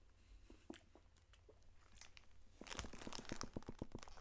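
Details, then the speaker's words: Sharp, quick clicks and crunches in a chewing rhythm from an adult's jaw while eating a soft Tokyo Banana cake, a clicking he says has gone on for a while, unchecked by a doctor; temporomandibular joint click. "I don't know what's wrong with my job but it just does that I think I need to I know I should see somebody about that cuz it's done that for a while"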